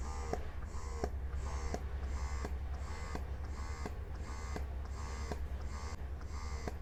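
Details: Mom Uung portable electric breast pump in massage mode, stepped through levels 1 to 9: quick, regular motor pulses with brief clicks, about three a second, over a low steady hum.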